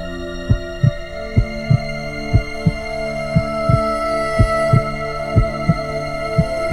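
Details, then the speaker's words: Fetal heartbeat on an ultrasound monitor in a TV drama scene: quick rhythmic thumps over a steady hum and soft background music. "दिल की धड़कन है। यह आपके लिए बहुत ही भावुक क्षण है।"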